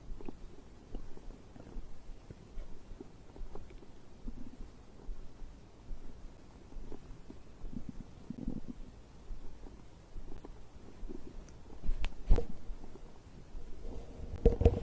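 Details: Bowel sounds recorded after drinking a beverage: low gurgling and rumbling bursts throughout, louder near the end, ordinary stomach growling from digestion.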